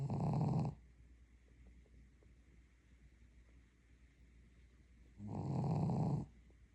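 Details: Sleeping dog; two loud, rumbling snores about five seconds apart with quiet between, roughly twelve breaths a minute: dog snoring.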